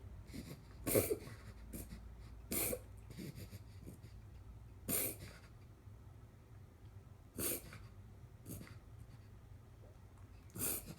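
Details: A dog's reverse sneezing: repeated short snorting bursts about every two seconds, pig-like honks drawn in through the nose; a vet said no treatment is needed unless episodes are very frequent.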